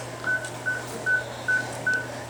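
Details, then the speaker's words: Heart-rate beeps from a veterinary anesthesia monitor with ECG on an anesthetized animal breathing through the anesthesia machine. "And the wires tell us that the heart's beating. You can hear the little beep, beep, beep. And this is its anesthesia monitor with the beep, beep, beeps."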